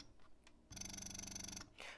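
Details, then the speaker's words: Rapid motor buzzing for about a second as one long suction pull, then stopping: an electric breast pump with cycle speed turned down to 38, giving a longer, baby-like suck, in a Medela versus Spectra S2 comparison. "you hear that's a longer suck right a longer suck like if you think of a baby sucking on your breasts it's a longer suck but now if i turn all the way up it's a quick suck"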